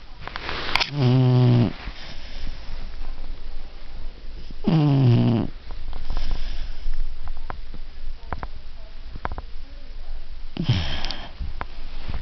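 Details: Beagle dog snoring while asleep: loud, deep, rumbling snores, about three long ones spaced several seconds apart, with quiet breathing between.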